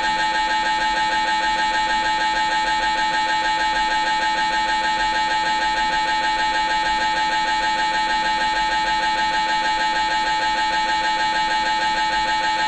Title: MRI Sounds Inside Scan Room (Brain MRI Noise / Sound Effects MRI) .